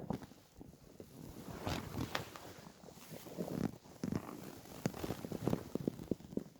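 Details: Person lying on a bed after about 28–30 hours of fasting for weight loss (from 65–67 kg to 49 kg): irregular low gurgling and rumbling with brief pops and squeaks; hunger stomach growling (borborygmi).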